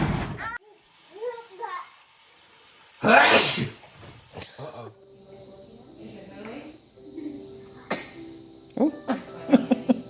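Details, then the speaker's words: Baby sneezing among household sounds: a sharp burst of breath, a typical infant sneeze, followed by an adult voice and faint background music. "Oh, you got sneeze. Ooh. Oh, snot. Oh. Oh, don't sneeze on her."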